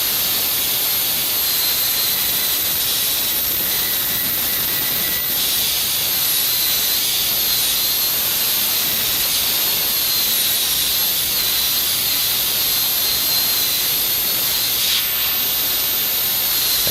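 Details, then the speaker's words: High-speed dental drill: steady high-pitched whine and hiss while completing occlusal reduction of the distal half in a cast gold crown prep on a model mandibular molar. "Once satisfied with the dimensional requirements, the occlusal reduction on the distal half of the occlusal surface can be completed."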